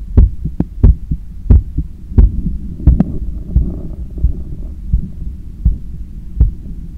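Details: Own heart sounds recorded by stethoscope after a 10 km run, lying on a daybed on the left side while controlling breathing: strong, regular low thumps at about 88 beats a minute with faint breathing; normal heart sounds after exercise.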